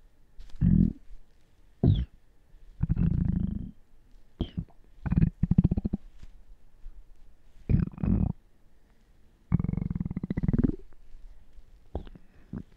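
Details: Repeated low gurgles and bubbling rumbles in short bursts, some drawn out: ordinary active stomach bowel sounds (borborygmi).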